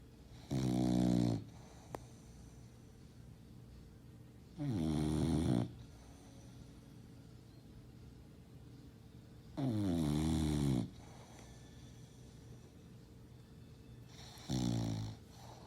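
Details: Female lilac tri English Bulldog sleeping: four loud, low, rumbling snores about every five seconds, roughly 14 breaths a minute, quiet between; loud snoring.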